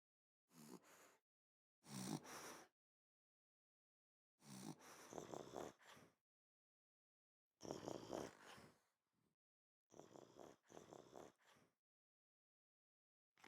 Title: Cute sleeping foxes snoring